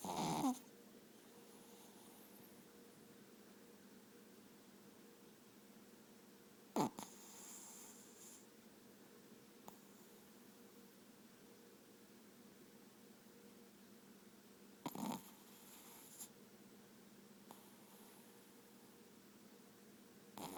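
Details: Snoring in a dog in REM sleep: a few brief snorting snores over a low, steady breathing hum.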